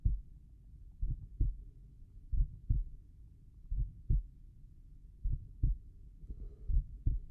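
Clear, regular lub-dub pairs at a slow rate, about 43 beats a minute, over quiet background. Normal heart sounds at the tricuspid area.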